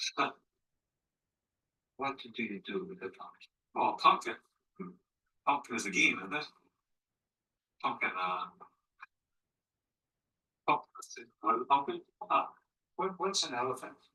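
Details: Woman with the logopenic subtype of primary progressive aphasia, a gradually progressive disorder with impaired word finding and repetition; fluency preserved, circumlocution around missed words, use-for-name substitutions and phonemic paraphasias; logopenic primary progressive aphasia.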